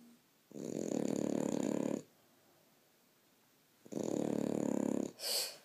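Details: French Bulldog snoring: two long, loud, rattling snores of about 1.5 seconds each, separated by quiet pauses, with a brief breathy sound at the end.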